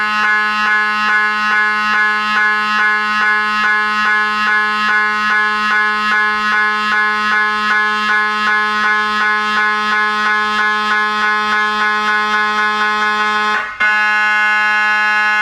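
Loud buzzing tone with fast regular knocking pulses, then a switch to a steady hum: MRI scanner noise.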